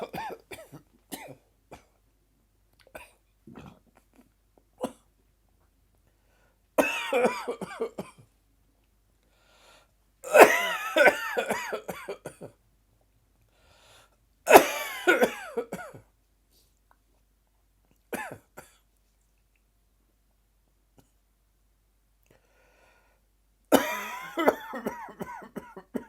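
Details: Repeated bouts of harsh, dry coughing with retching and gagging sounds between quiet pauses, an afternoon dry cough with gagging.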